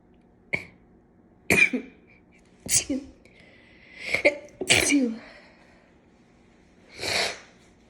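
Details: Run of about five sharp, explosive sneezes with quick inhalations between, in a quiet room, induced with a cat whisker while the left nostril is clogged from cat allergy: allergic sneezing fit.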